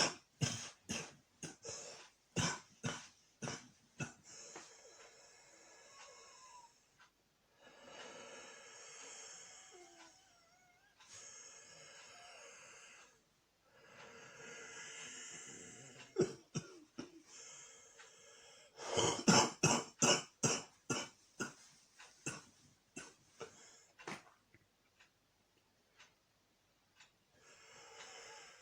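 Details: Cough from a common cold: intense, prolonged coughing fit of harsh, rapid repeated bursts with long rasping breaths between.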